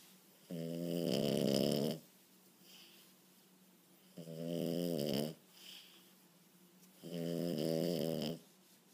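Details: French Bulldog puppy snoring loudly while asleep on the couch: three long, rough, buzzing inspiratory snores, about one every three seconds.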